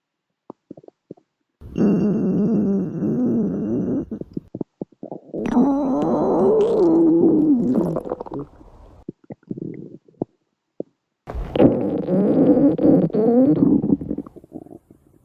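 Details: Female: long gurgling, rumbling stomach growls in several bursts over background music; ordinary borborygmi.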